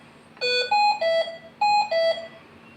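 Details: Repeating pattern of five loud electronic tones in two groups, three then two, from a Hamilton C-3 ventilator alarm during a training demonstration; ventilator alarm signaling a problem.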